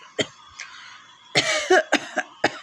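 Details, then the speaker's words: Real cough, which the speaker says is not from a cold, recorded for a cough challenge. About five sharp, harsh adult cough bursts with brief throat clearing and laughter in between. "তো আমার real ককই হয়েছে মানে সূক্ষ কাশি টাইপের হয়েছে"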